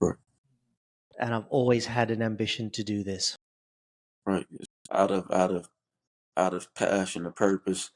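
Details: Adult male who has stuttered since age 10, with blocks, prolongations and repetitions; stuttering.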